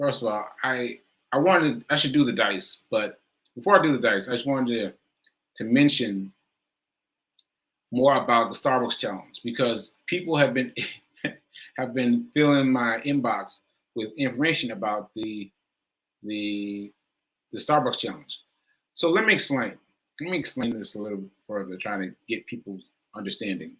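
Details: Male stroke survivor with aphasia: he cannot get the right words out, has trouble finding words and struggles to say "stroke"; speech shows repetitions and word-finding pauses. Aphasia after stroke.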